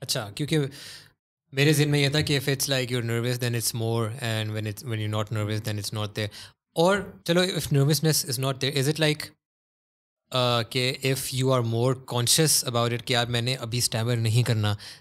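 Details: Adult man speaking; normal fluent speech.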